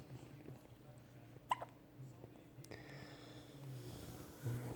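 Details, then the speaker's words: Hungry infant being fed, with hiccups that seem to stop then return: one sharp hiccup with a faint catch after it, over a low room hum; ordinary infant hiccup. "oh are you done hiccupping oh I think he's done all right oh oh I spoke too soon"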